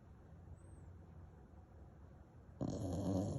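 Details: A sleeping bullmastiff puppy makes a low, rumbling breathing noise that ends in a louder, rougher snorting snore: dog snoring.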